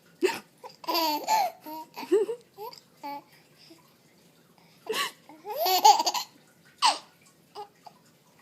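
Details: 4.5-month-old baby hiccupping while laughing at mom's fake hiccup: giggles and babbling broken by short, sharp catches of breath.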